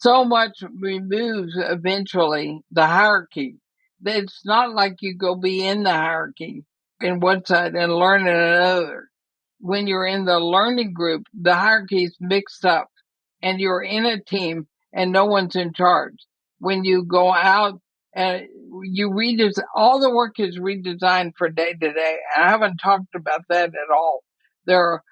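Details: Dysarthria in a woman near 80 with ALS (Lou Gehrig's disease); she says she is already having quite a bit of trouble speaking but believes she is still intelligible.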